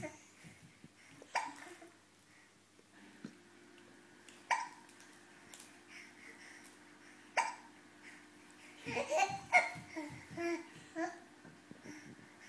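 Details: Baby with hiccups: short, sharp hiccups about every three seconds in a quiet room, with babbling and laughter between them.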